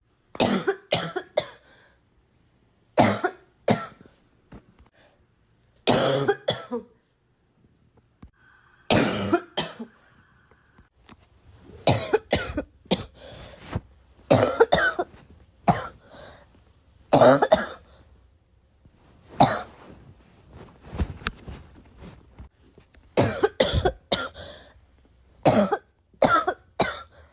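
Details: Adult with a bad cough: repeated bouts of forceful coughing, two to four coughs per bout, in a quiet room.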